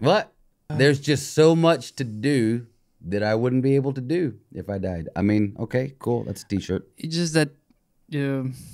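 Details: Adult man speaking; ordinary speech.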